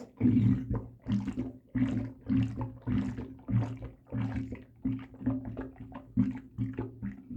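Repeated low, wet sloshing and gurgling in rhythmic surges, like fluid moving in the stomach.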